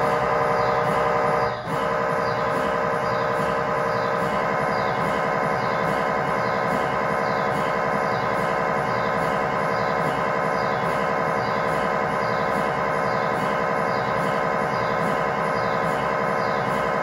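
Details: MRI scanner noise recorded inside the scan room during a test tibia/fibula (lower leg) MRI in a controlled environment, using a GE high-definition lower extremity coil (stated as 16- or 8-channel): continuous loud droning with rapid rhythmic knocking pulses.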